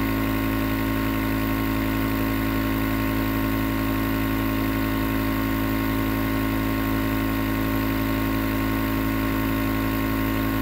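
Steady, loud mechanical hum and buzz with constant hiss: a running nebulizer compressor.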